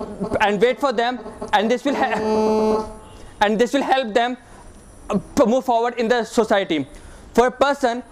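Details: Woman who describes herself as a person with stammering; stuttering with word repetitions.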